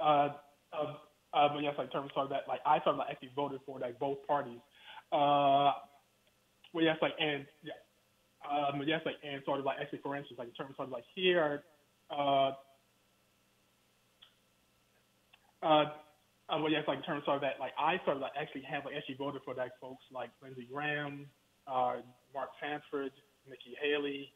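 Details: Adult man with a stutter, speaking in a phone interview; stuttering.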